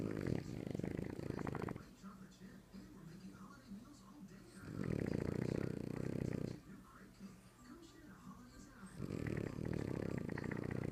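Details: Snoring French Bulldog: loud, rough, rattling snores on each inhalation, about 14 per minute, quiet breathing between, faint background sound.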